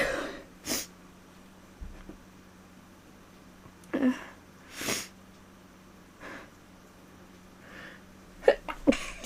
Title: Cuddly Sneezes